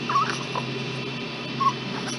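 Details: 8-day-old newborn girl, in preemie clothes, during a diaper change while still hungry: brief thin fussing cries over steady room hum.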